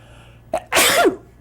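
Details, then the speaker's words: Adult man: a brief inward catch of breath, then one loud, explosive sneeze; a single ordinary sneeze. "I'm about to sneeze actually uh so look at the light excuse me"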